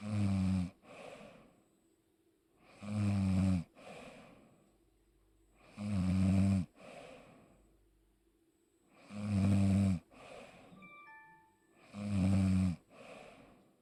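Loud, rattling inspiratory snores about every three seconds, roughly 20 a minute, each followed by a softer outward breath: snoring during sleep.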